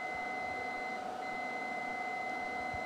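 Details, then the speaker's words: Steady high electronic laser metronome tone with a 0.2-second pause every 5 seconds over low room noise, during live endovenous laser ablation of a varicose vein; the catheter is withdrawn in time with it to deliver the correct energy. "Every 5 seconds, there is a 0.2 second pause. That tells us that there is a 5 second marker"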